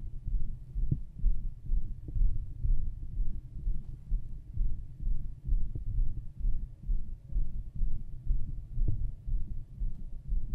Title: My heart and stomach sound